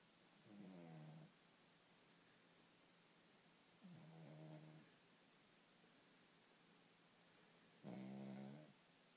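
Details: Snoring: three slow, rumbling snores in about nine seconds, each a drawn-out vibrating breath in a quiet room; snoring.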